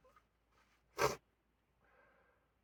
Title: Sneezing at car 2